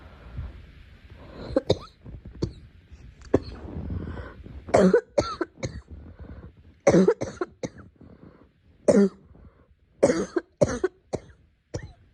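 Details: Girl coughing: about ten short, dry coughs in clusters with quiet breaths between.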